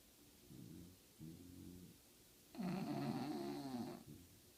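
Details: Female English bulldog asleep during a nap: two soft snores followed by a louder, vibrating snort-like snore; ordinary snoring.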